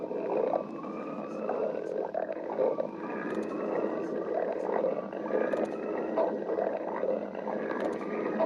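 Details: Stomach growling (borborygmi) from a badger.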